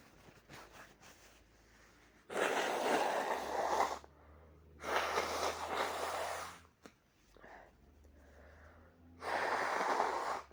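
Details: Three loud, forceful, explosive sneezes with quick in-breaths between them, from a person with a cold and a very sore throat; violent cold sneezes.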